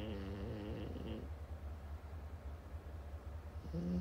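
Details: French bulldog with suspected sleep apnea: low, buzzing, rattly snore that fades out and then restarts, over a steady low hum in a quiet room.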